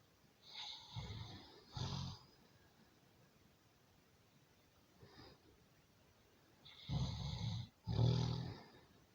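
Paired, harsh snorting snores in quick bursts, with a softer one between them, in a quiet room.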